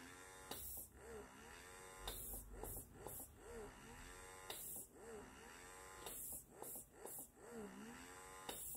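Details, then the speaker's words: Doopser 8010 wearable breast pump running, about 40-something on the sound meter; quiet motor hum in repeating cycles with soft whirring rises, rhythmic suction pattern. "ito yung nasa milk collection mode pag ginawa natin sa lipat natin sa expression mode pinakamataas so level 9 so hanggang 40 something lang din so hindi siya ganon Kaingay compare sa iba na wearables"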